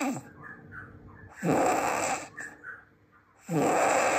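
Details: Two loud, harsh, rattling inspiratory snores, each about two seconds long, separated by quieter exhalation; heavy snoring described as the loudest snoring in the world.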